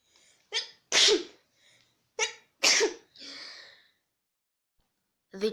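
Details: Demonstrated sneeze types (double sneeze and others): a run of sharp, forceful sneezes, some with an in-breath first, in a quiet room.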